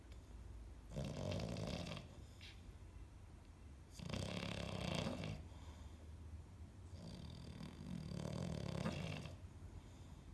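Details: Dog nicknamed Piglet snoring while asleep in a quiet room: soft, rumbling, snorting snores about every three seconds.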